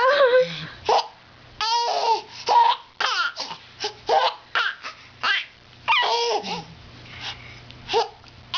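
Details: Baby laughing while having hiccups: a small child laughs and babbles, broken by short, sudden catches in the breath and voice.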